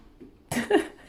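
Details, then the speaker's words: A male wearing headphones and playing nearby gives one sudden sneeze, heard from a short distance in a quiet room. It is a sharp burst of air and voice. "Mais bon, bah, vous l'avez entendu éternuer. Je ne couperai pas au montage."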